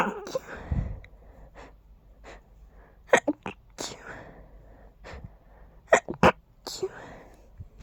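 Several short, muffled bursts with quick breaths in between: quiet, stifled sneezes held back to soften the noise.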